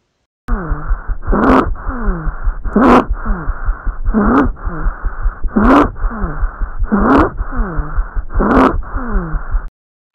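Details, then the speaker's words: Teaching example from pediatric lung auscultation: stridor, a harsh, high-pitched musical noise with each breath, loudest on inspiration, about seven cycles. It is linked to airway obstruction, for example laryngotracheobronchitis (croup). "Existem algumas doenças relacionadas com esse ruído como por exemplo a laringotraqueobronquite também chamada de crupe a Malásia agora a gente vai ouvir um exemplo de estridor"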